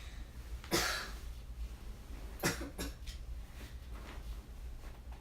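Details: Child coughing: two short coughs with a few faint throat sounds after, in a quiet room.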